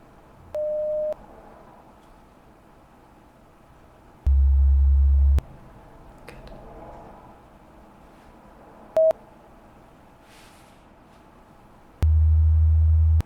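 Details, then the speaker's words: Simulated pure-tone hearing-test tones in a relaxation role-play, not by a medical professional: separate steady beeps at different frequencies and intervals, some high-pitched and some very low, with quiet gaps between them. "These tones will play at different frequencies, at different intervals, and they're just to make sure that you can hear them, okay?"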